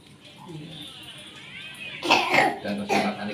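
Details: Soft voiced sounds then a cluster of two or three harsh coughs in a small room; cough attributed to lung nerves ("batuk akibat saraf paru").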